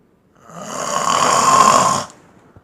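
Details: Man sleeping and snoring loudly enough to drown out a phone alarm: one very loud, harsh, rasping snore on the in-breath, about one and a half seconds long. Heavy snoring.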